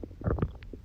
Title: ASMR Stomach Growling That Makes You Stop Scrolling INSTANTLY — Just Sleep…